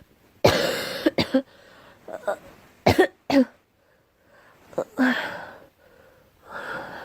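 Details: Girl coughing: about six sharp bursts, some in quick pairs, with brief breaths between; no clear wheeze or whoop.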